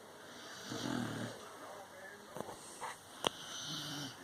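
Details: Sleeping dog snoring: a low, rumbling snore with a snort and a few short sharp noises.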